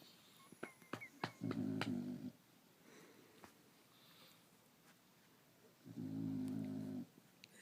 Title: Diesel snoring